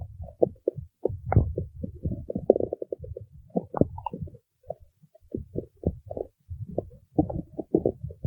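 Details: Irregular low gurgling and bubbling bursts with brief quiet gaps between them: ordinary stomach growling (borborygmi).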